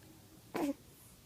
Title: Cutest hiccups ever